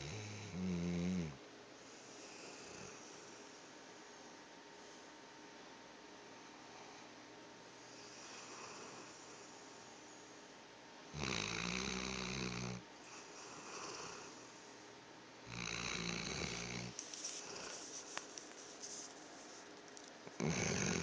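Loud, deep, rattling snores recurring every few seconds, with quieter breathing in between: snoring in a sleeping dog.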